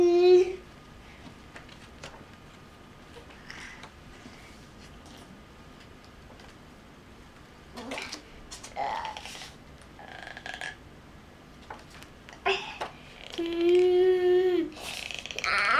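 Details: Autistic child grinding teeth: faint gritty scraping and clicking bursts with brief humming vocal sounds: bruxism.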